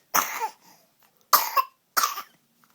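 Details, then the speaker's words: Infant girl who is recovering from illness gives three strong, harsh coughs, evenly spaced with quiet pauses between; a powerful cough. "it's a powerful cough mhm she's really getting better"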